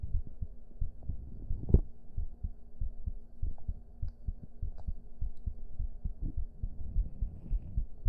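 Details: Streamer's own heartbeat picked up by a microphone during an ASMR stream: steady low thumping normal heartbeat at a fairly brisk rate over a faint hum, one louder knock partway through.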